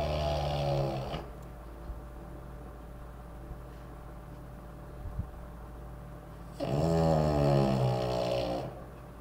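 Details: French Bulldog puppy snoring: deep, buzzing snores about five seconds apart with quiet breathing between them and a low room hum.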